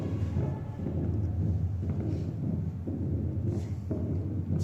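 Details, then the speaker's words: Low, dull heart sounds about once a second with a continuous low rumble between beats: diastolic murmur of tricuspid stenosis, the final thump being systole. "Por ende, este también va a ser un soplo diastólico. Escúchenlo. Ese tum del final es la sístole."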